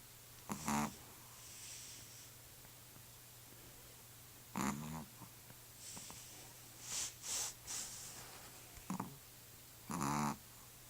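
Soft, rattling snores come every few seconds over a steady low hum, with faint hissing breaths between them: snoring in a sleeping animal.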